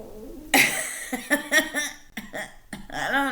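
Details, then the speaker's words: Adult woman's loud stomach growling (borborygmi) after skipping breakfast and drinking a lot of coffee, echoing in the room. "stomach I haven't had breakfast a lot of coffee sorry guys I know you can hear that because it echoes in here"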